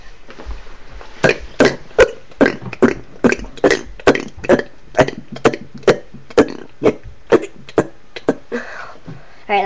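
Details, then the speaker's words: Deliberate hiccup-style burps: about twenty short, forceful throaty burps in quick, fairly even succession, roughly two a second, in a small room. "hey guys I had a request to do kind of like hiccup burps so I'm going to do that for them thanks for giving us the request"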